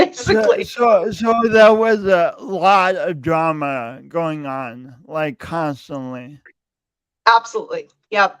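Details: Male podcast host who says his speech impediment is audible every time he speaks; speech impediment.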